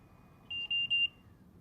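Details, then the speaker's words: Trilogy 100 portable home ventilator (invasive or non-invasive) start-up: three short high-pitched beeps as the start/stop button is pressed, the display and button backlights turn on and the red and yellow alarm LEDs flash briefly, confirming therapy has started. "display screen and the back lights on the buttons turn on the red and yellow alarm LEDs turn on momentarily and an audible indicator lets you know that therapy has started"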